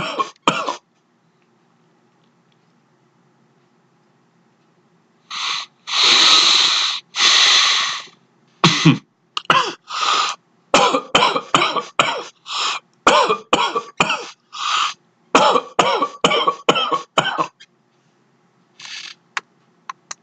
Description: Beginning of my cough from my latest cold. So far, no loose phlegm, but it's still early.